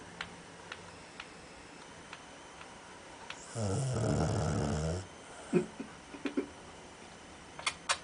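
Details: A dog that habitually snores like this: one low rattling snore lasting over a second against quiet room noise, with soft clicks and snuffles around it; snoring.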